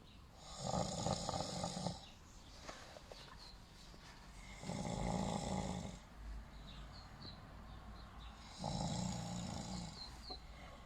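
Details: Sleeping man snoring: three loud, rough snores on inspiration about every four seconds, roughly 15 breaths a minute, with quiet expiration between.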